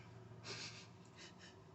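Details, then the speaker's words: Adult having a tic attack after trying new cannabis (RSO) tincture drops, fist clenched and breathing disrupted: a sudden sharp gasping intake of breath, then two softer breathy gasps. "So when I close my fist, it's so hard. I'm just waiting for it to unlock. hear like it sounds like a like a like a like a like a ringing in your head, but almost like a swoosh sound in my brain. This is what happens."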